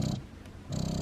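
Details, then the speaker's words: Motif Luna electric breast pump running in expression mode (cycle adjustable 30–46), with adjustable suction level: a low rhythmic motor hum with a brief quieter dip as the pump cycles. "hitting our mode here going to expression you can go down to 30 and it goes up by fours up to 46 and then again you can increase the suction level"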